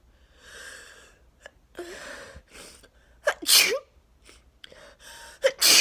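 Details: Person in a 34-sneeze sneezing fit with nose blowing, attributed to neighbors cutting grass: several sneezes in quick succession, each led by a sharp in-breath.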